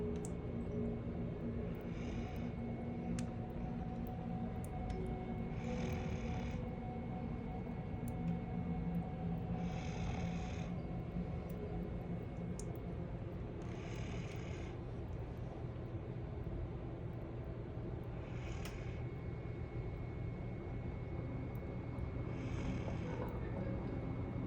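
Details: Man snoring regularly, about 15 breaths a minute, under steady low rumbling and soft music while relaxing during Shirodhara warm-oil therapy and a Yume head spa: snoring.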